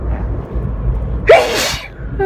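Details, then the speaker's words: Single sharp sneeze over steady car road noise from a person sneezing repeatedly while driving who says they can't control it, feel the urge with every breath and constantly, and find it hard to concentrate. "so I wish I wasn't sneezing all the time it's pretty hard it's all my body"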